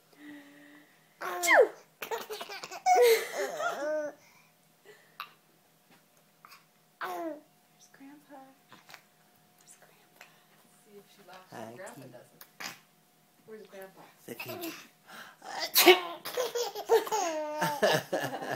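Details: Grandma, grandpa and mother sneezing repeatedly while almost 7-month-old infant laughs in bursts between sneezes; ordinary sneezes.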